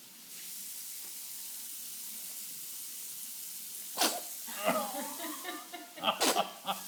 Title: Food sneeze